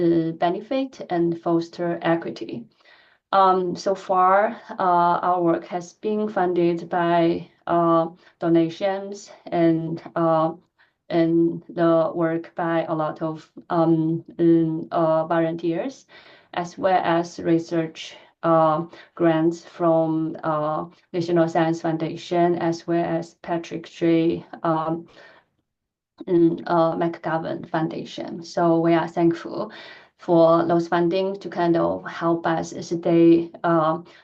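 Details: Adult woman who stutters, giving a presentation, a setting where she says she stutters more than in private; stuttering.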